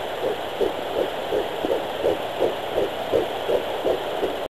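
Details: Fetal heartbeat at 11 weeks 3 days on a home fetal Doppler: fast, regular whooshing pulses at about 165–170 beats per minute, by a new user.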